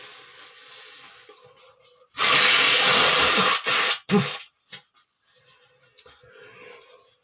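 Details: Adult male sneezing and blowing his nose: a long forceful blowing burst followed by a shorter sneeze-like burst and sniffs; sneezing.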